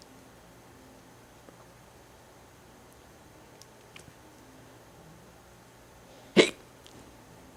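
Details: A single sharp, abrupt hiccup in a quiet room, with a few faint clicks beforehand: hiccup.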